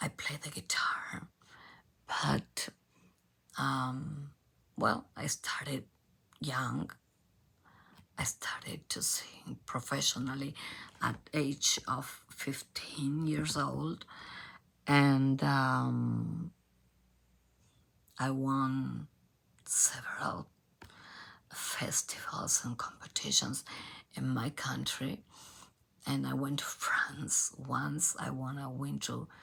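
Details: Adult female professional singer with abductor spasmodic dysphonia, a rare type in which spasms of the vocal cord muscles open the cords; onset 2015; treated with Botox injections.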